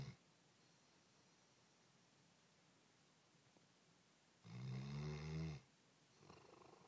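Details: A quiet room, then one loud, low, fluttering snore lasting about a second, followed by a softer breath; snoring during sleep.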